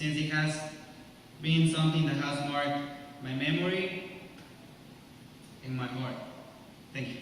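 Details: Adult male speaker; normal speech.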